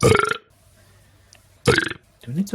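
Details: Two short, deep, croaky burps from a cat with quiet between them; belching.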